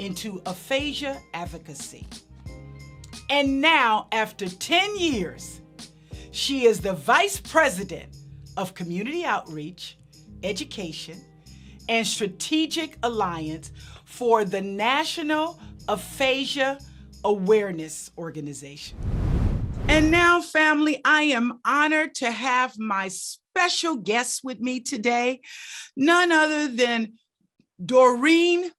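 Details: Adult female host speaking; normal speech.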